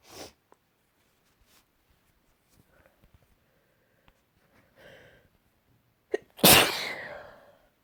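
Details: Morning sneeze: quiet sniffs and breaths building up, then one loud explosive sneeze with a fading exhale; a single sneeze.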